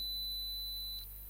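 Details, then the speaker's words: Simulated pure-tone tinnitus sound used in tinnitus patient sound-matching: a steady, high-pitched pure tone lasting under a second then fading, faint room noise. "ahora yo quiero por un segundo se imaginen tener ese sonido las 24 horas del día en la cabeza"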